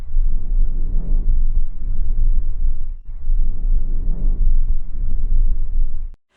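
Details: From a posterior and anterior chest physical-examination demonstration by first-year nursing students: soft, low-pitched breath sounds over two cycles, about 19 a minute, longer on inspiration; normal vesicular breathing.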